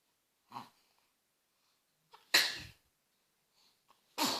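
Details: An infant gives three quick, high-pitched sneezes in a quiet room, with a small intake of breath before some; sneezing.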